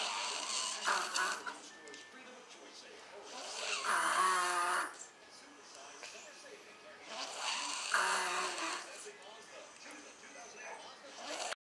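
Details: Loud, harsh snoring from an adult man in repeated cycles, about 16 breaths a minute, with faint background sound.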